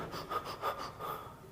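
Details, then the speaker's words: Adult teacher imitates rapid breathing after running, fast and shallow like a panting dog, about three quick breaths in 1.5 seconds, illustrating the increased breathing rate after exercise. "ત્યાર પછી શ્વાસોશ્વાસનો દર ઝડપી બને આપણે ફૂલ speed થી શ્વાસ લેવા માંડીએ જેમ કૂતરું શ્વાસ લેતું હોય એવી"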